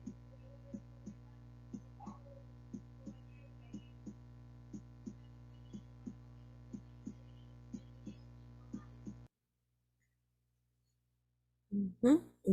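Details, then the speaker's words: Teaching audio of normal heart sounds played in a physical examination class: soft, regular lub-dub beats, about 80 a minute, over a steady hum, then a brief break; normal heart sounds. "a los latidos normales vienen a ser así así viene a ser no el sonido Algo similar"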